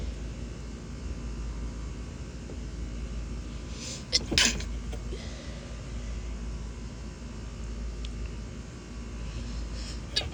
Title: some quick stifled sneezes (f)